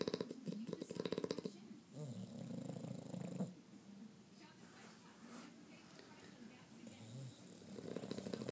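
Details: Snoring from two sleeping bulldogs, a French bulldog and an English bulldog: rough, rattling snores on breathing in, overlapping, with a low steady rumble.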